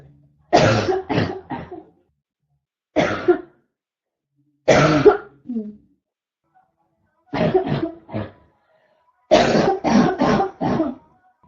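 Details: Adult woman: repeated harsh, constant barking coughs in short clusters of one to four; barking cough.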